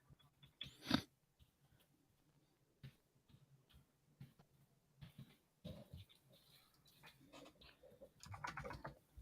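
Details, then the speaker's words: Pet dog snoring in the background of a quiet room: soft, low, rumbling breaths recurring every few seconds. "sorry if you hear that snoring that's my dog i swear it's my dog"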